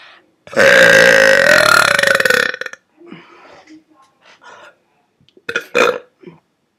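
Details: Deliberate burping, first in at least four months: one long, loud, rumbling belch of about two seconds, followed by a few soft breaths and short vocal sounds.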